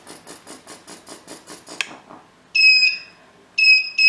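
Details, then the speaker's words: Rhythmic pump pulsing of a Thopaz+ digital cardiothoracic chest drainage unit stops, then repeated loud high two-tone beeps: red high-priority alarm for a simulated filter obstruction in a training demo; chest drain high-priority alarm. "Ó, ele perdeu a permeabilidade da passagem do ar, ele vai ter um alarme com a coloração vermelha, porque é de alta prioridade, e vai dizer para nós o que está acontecendo."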